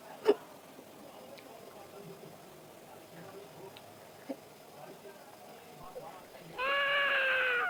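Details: Hiccups recorded during a challenge of eating green chili, with music in the background.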